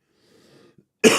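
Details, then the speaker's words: Adult with a cold: faint breathing, then one loud, harsh single cough burst at the end. "So, I just thought I'd come on and cough all over you cuz why should I have it and you haven't?"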